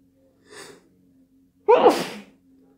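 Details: Late-night sneezing fit: a soft breath in, then one loud, forceful sneeze in a quiet room; an ordinary sneeze.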